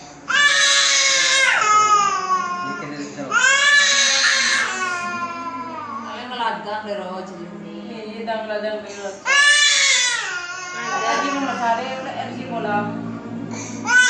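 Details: Infant with high fever, cough and diarrhea crying in loud, strained bursts with whimpering between during a traditional massage, while an adult talks nearby.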